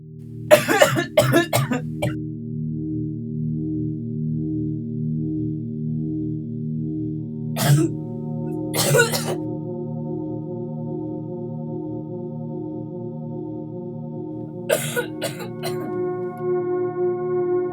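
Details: Three short bursts of acted, simulated coughing over soft, sustained ambient music, in a public-service message about colds spreading.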